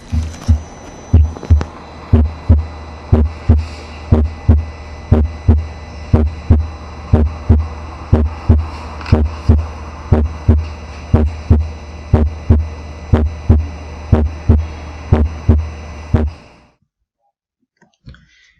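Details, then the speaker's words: Split first heart sound on a heart simulator at the tricuspid area, regular at about 60 a minute, timed with the carotid pulse; first sound slightly doubled like a quick "pra-pa", compared against a normal patient. "Entonces recuerden que el R1 desdoblado se escucha alrededor del R1, obviamente. Va a coincidir con el pulso carotido, se escucha algo así como un prapa, prapa, prapa. Casi que no se distinguen los dos ruidos, pero se siente que es un R1 diferente."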